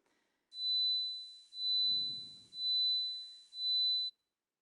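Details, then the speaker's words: Steady high-pitched whistling tone in four one-second pulses, played as an example of tinnitus, a sound perceived with no outside source; tinnitus simulation. "ça, en fait, c'est un exemple d'acouphène. Ça, c'est aussi un problème qui peut se produire pour certaines personnes."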